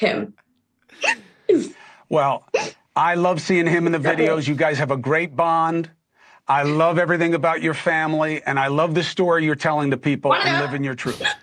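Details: Adult speaker; normal speech.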